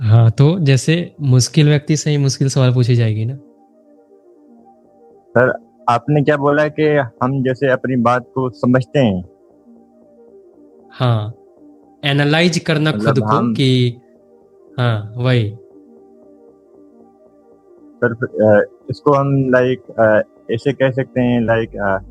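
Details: Adult man who stammers, participant in an online stammering-improvement class; stuttering.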